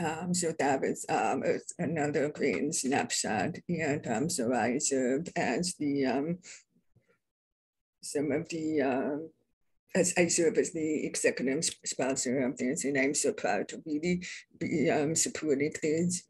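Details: Adult deaf woman describing her own deaf accent; deaf speech (deaf accent).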